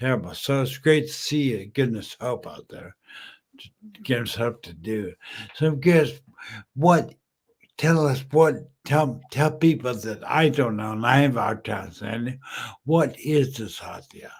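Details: Male stroke survivor 14 years after a stroke from a brain aneurysm, totally mute at first, who uses slowing down and over-articulating as strategies; post-stroke dysarthria.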